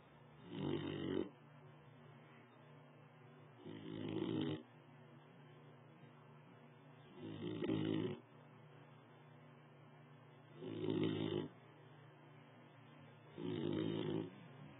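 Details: 4-month-old Basset Hound puppy snoring while asleep on a lap: five rough, rumbling snores at a steady pace, about 20 a minute, with quiet breathing between them.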